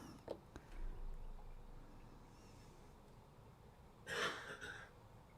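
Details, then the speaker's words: Adult's lingering cough left over from a recent illness: a single short, dry cough with a brief trailing second burst over quiet room noise. "O, you hear that cough? That's That's leftovers from mom trying to kill my husband."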